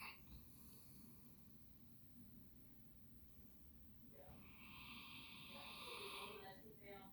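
A soft rumbling breath sound in a quiet room, building to a louder rasping snore; a sleeping dog snoring.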